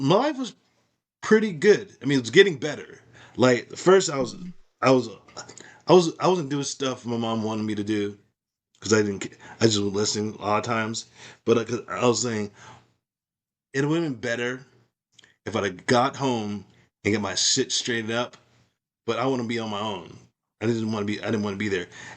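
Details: Adult woman with aphasia after a stroke, who reports trouble finding the right words and understanding speech; aphasia.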